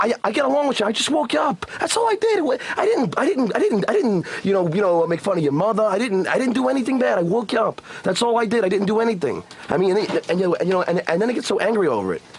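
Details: Adult male with stuttering present since second grade, speaking during a heated argument.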